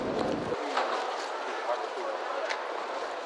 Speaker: this is what a typical street sounds like what does someone with mild low frequency hearing loss it sounds like this